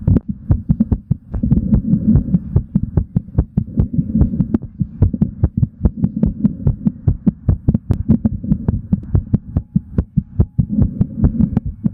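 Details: Adult male's heart during exercise: rapid, regular, strong heartbeat thumps with a low hum behind them; normal heart sounds at a fast rate.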